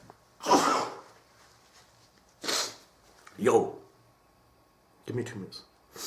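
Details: Person sneezing: several short explosive bursts of breath and voice at irregular intervals, a series of sneezes in a small room.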